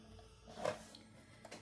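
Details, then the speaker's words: Dog snoring nearby in a quiet room during a crafting session: a single soft, raspy breath noise that rises and fades; snoring. "Then I get my Can you hear my dog snoring? Bubba, seriously."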